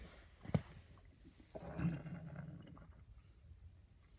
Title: My stomach growling in a library